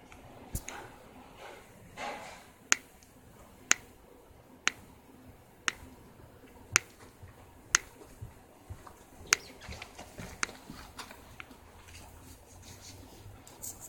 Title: ankle - Cracking sound from left ankle